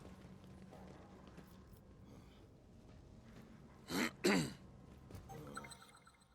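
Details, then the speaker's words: A cough then a throat clear, two short forceful bursts, from a person whose throat had not recovered after choking slightly on soda; faint game sound in the background. "Seriously, I barely choked on a little bit of soda and it just has not recovered."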